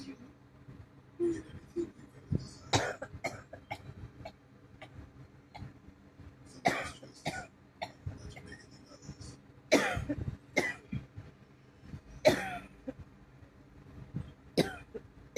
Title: not feeling well 😔 i have a bad cough my chest hurts from coughing my ribs hurts from coughing 😔